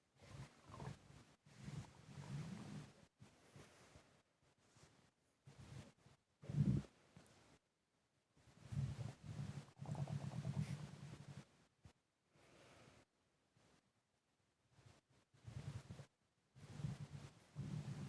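Irregular low rumbling gurgles in bursts with pauses, mixed with heavy breathing: ordinary stomach and bowel sounds.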